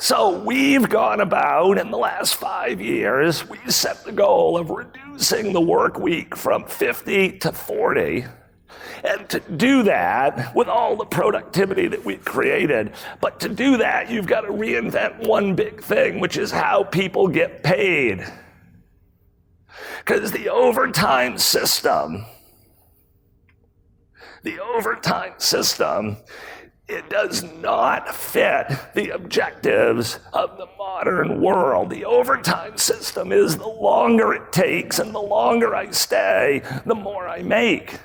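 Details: Real adult man with spasmodic dysphonia, a rare voice disorder acquired in 2010, recorded at a 2018 keynote; his throat muscles spasm and contract when he talks, making speaking sometimes difficult, and he notes it is audible. Finding: spasmodic dysphonia.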